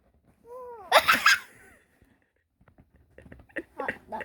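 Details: Sneeze, with family talking in background; sneeze.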